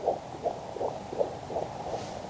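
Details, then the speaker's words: Fast, regular whooshing Doppler pulses of a fetal heartbeat at about 155 a minute during an antenatal check at an Aboriginal maternity program, described as a very healthy mum and baby; normal fetal heartbeat. "There you go. All good. A very healthy mum and baby."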